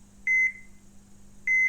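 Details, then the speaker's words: Fictional horror audio drama: two short, high electronic beeps about a second apart over quiet hum, monitoring machines beside a dog hooked to tubes in a veterinary recovery room. "sound but those uncaring beeps of machinery"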